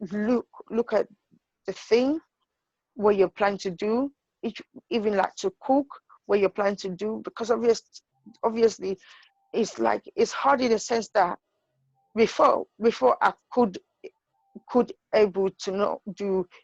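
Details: Adult woman with intracranial hypertension and sight loss who says she stutters and finds known words such as "book" hard to say because of her condition; stuttering.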